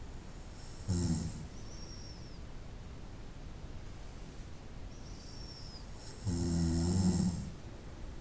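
Two low, rumbling snores several seconds apart against faint room hiss: night-time snoring.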